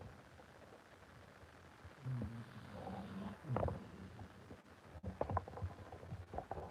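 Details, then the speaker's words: Sleeping pet dog: faint, low, rumbling snorts in uneven bursts over light room noise; soft snoring. "He's already asleep, Claire. He's snoring. Can you hear him snoring?"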